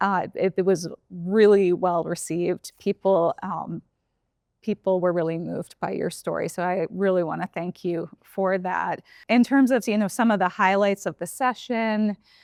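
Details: Adult speaker; typical adult speech.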